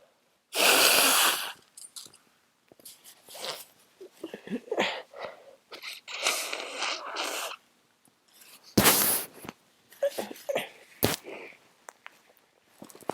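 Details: Several forceful, wet, very congested, tired sneezes with congested sniffing and breathing between, from a person who says they are sick again.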